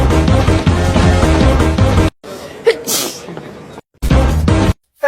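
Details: Single brief, sharp sneeze over quiet room noise as loud music breaks off, then the music returns.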